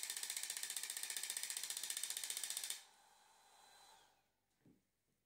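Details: Zimmer enPuls radial shockwave, 15 mm convex head with ultrasound gel, single-spot treatment to the lateral epicondyle for tennis elbow (demonstration patient), 120 mJ, 15 Hz, 1500 shocks: rapid evenly spaced sharp clicking pulses, about 14 a second, for nearly three seconds, then stopping.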